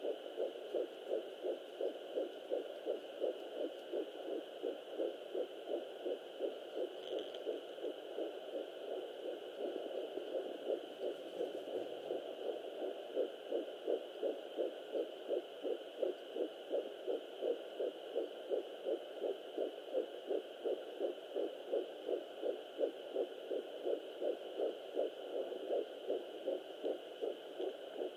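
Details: Fetal heartbeat at 11 weeks 4 days on a Sonoline B fetal Doppler: rapid, regular whooshing pulses about 165 beats per minute.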